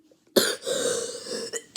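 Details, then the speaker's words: A child with a bad cough whose belly hurts a little with each cough gives a sharp cough, then a longer, rough, noisy exhalation and a brief second burst. "I have a cough. That's really bad, and my belly hurts a little bit whenever I cough."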